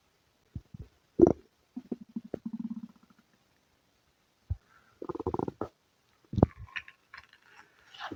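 Scattered gurgles, squeaks and bubbling rumbles separated by silence; ordinary bowel sounds of stomach rumbling.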